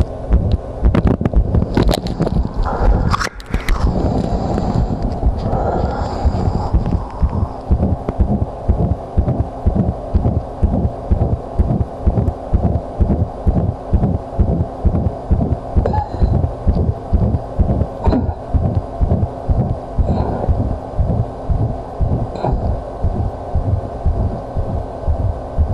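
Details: Visible heartbeat: steady, regular low heart thumps through a chest microphone after a few seconds of rubbing noise.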